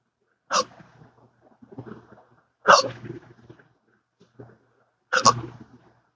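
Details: Adult with rare disabling persistent hiccups since December 2015 after surgery with nerve damage, in 12-hour daily episodes with occasional burps; three sharp hiccups about two seconds apart, each followed by soft breathy sounds.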